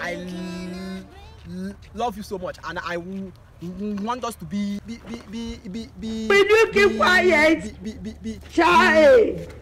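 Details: Man acting as a stammerer in a comedy skit; stuttering (acted).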